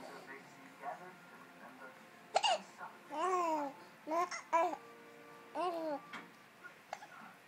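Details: Dog Mira, sitting relaxed in her chair, makes several abrupt, irregular catches, some drawn into short squeaky voiced sounds, over quiet room noise; hiccups.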